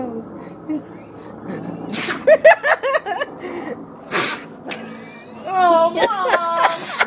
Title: The cutest sneezing dog